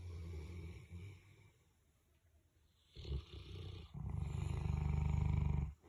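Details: Two sleeping Boerboel (mastiff) dogs snoring together: deep, low, fluttering breaths broken by a quiet pause; snoring from a big dog.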